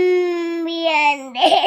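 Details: A brief, high-pitched infant crying wail breaking into a louder, rougher sob; the child is said to have fallen and got hurt.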